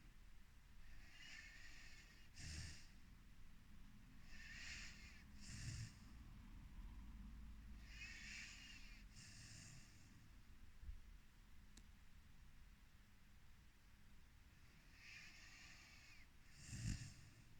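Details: Snoring in a sleeping 4-month-old Rhodesian Ridgeback puppy: soft snuffling, snorting breaths with faint whistling at intervals over low room noise.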